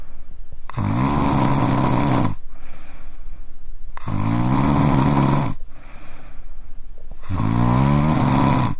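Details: Adult male snoring, field-recorded on a TASCAM DR-1: three long, loud, rattling snores on each inhalation about every three seconds, with quiet exhalations between.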